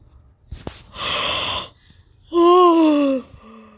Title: sneeze 🤧 yawning 🥱